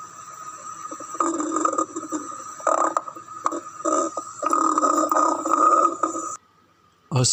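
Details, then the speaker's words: Stethoscope auscultation of the abdomen: irregular bubbling, rumbling gurgles from gastric secretion during digestion; normal bowel sounds (borborygmi). "الصوت اللي احنا سمعناه هو بيمثل auscultation of stomach gurgle rumbling sound، الصوت المميز أثناء عملية secretion of digestive enzymes في الهضم وغيره، وده صوت يعتبر نورمال برغم انه صوت يبدو انه مزعج،"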